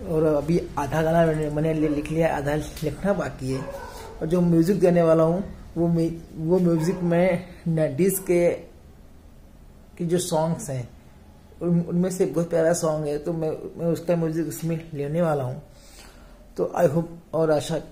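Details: Stuttering in a male speaker; sparse speech in this stretch may reflect blocks or pauses.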